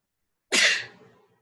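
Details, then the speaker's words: Adult during a morning yoga flow, rotating the wrists, sneezes once: a single sharp, hissing burst of air that trails off quickly in a small room. "Rotate in the opposite way. I'm going to sneeze here."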